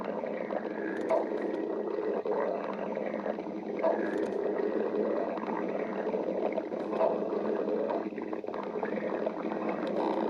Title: Rasasy stomach growling